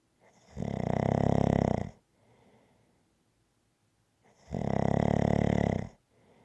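Loud, rumbling snores on each breath in, with quiet breaths out between them, a steady rhythm of about 15 breaths a minute.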